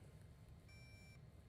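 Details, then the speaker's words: Single half-second electronic beep over low room hum, a fluoroscopy X-ray shot during minimally invasive Lapidus bunion surgery, checking burr position against the base of the first metatarsal. "I'll take a x-ray shot and ensure that I'm against the base of the first met."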